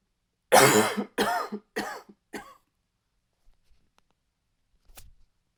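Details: Adult acting a fit of four dry, harsh coughs with a slight barking edge, each weaker than the last, then a faint final throat sound: dry barking cough.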